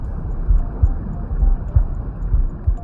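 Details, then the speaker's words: Heartbeat recorded with a Stemoscope, a compact electronic stethoscope: steady, regular paired low thumps at about 64 beats a minute over a soft background hum. "If you are a new mom, you may record your heartbeats and play them to your baby."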